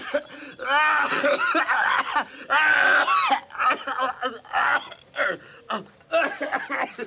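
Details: Supercut of acted coughs and throat-clearing from many different films and actors; a quick run of varied voiced movie coughs, not real patients.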